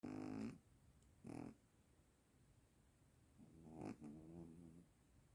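Soft, low, buzzy snoring sounds from a sleeping cat, in short bursts separated by quiet pauses. Snoring.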